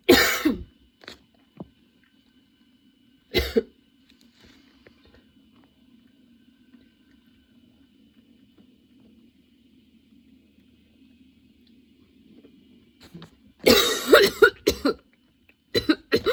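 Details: Sudden-onset, nonstop coughing fit that kept worsening, bringing tears and frequent position changes: harsh bursts of coughing and throat clearing, a long quiet breathing pause, then a rapid cluster of repeated coughs.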